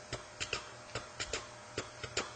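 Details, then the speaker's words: Vocal imitation of a third heart sound gallop, repeating triplets at about 72 cycles a minute, for MRCP PACES exam teaching. "the other thing you might get is a third heart sound uh where you get this"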